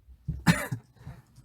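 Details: Single short, loud cough with a brief throaty lead-in and a fading breath after, from a young male K-pop singer with a cold, during a livestream.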